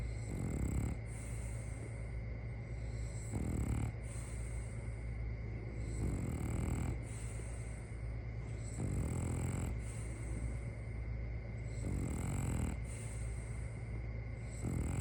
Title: My Dog Has That Human Snore Syndrome